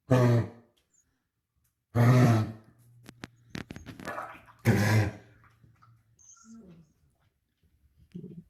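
Three harsh, forceful coughing bursts from a dog, with quieter throaty noises between, fitting an irritated, narrowed airway as in bronchitis.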